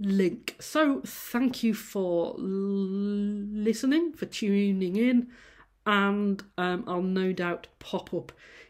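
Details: Adult female university lecturer who says she stammers; sound repetitions and prolongations at word starts; stammering.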